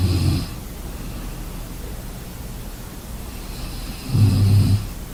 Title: Sleeping sounds snoring